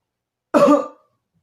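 One forceful, harsh cough burst, a deliberate controlled cough in a staged demonstration of the effective coughing technique for clearing phlegm.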